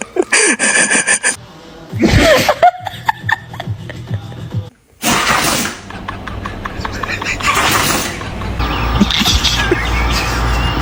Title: The dog is sneezing#fyp #foryoupage #dog #funny #foryou